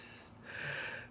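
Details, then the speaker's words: Adult former 9/11 Ground Zero and Staten Island landfill recovery worker audibly wheezing while talking. He takes about 20-something pills a day and uses 3 inhalers, has a heart pumping at 36% and lung capacity of 59%. A single labored, high, whistling breath. "As you can hear me wheezing. I'm on a lot of medication. I have, you know, approximately 20-something pills a day, 3 inhalers."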